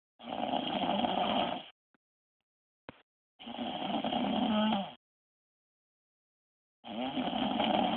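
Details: Loud, rattling snores of about 1.5 seconds each from a sleeping wife, with silent pauses between, roughly 19 a minute; heavy snoring.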